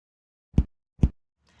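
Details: Systematic abdominal percussion during a physical assessment: two short, low, muffled taps with no ringing after them, a dull percussion note over a solid organ, in contrast to tympany over air-filled bowel.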